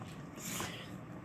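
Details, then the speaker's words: Dog sneezing repeatedly, six or seven in a row over about five minutes: a short, wet, snorting nasal burst. A wood splinter from chewing went through the roof of his mouth into the nasal cavity. "he's been sneezing L for five minutes straight some 6 seven in a row"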